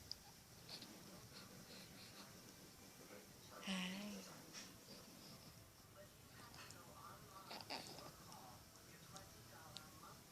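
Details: Baby who has just eaten and is being offered a pacifier sneezes: a single short sneeze partway through, against quiet room noise and soft background sounds.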